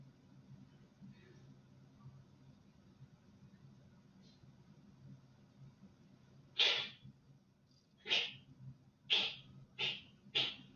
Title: 20211024 Rocket Sneeze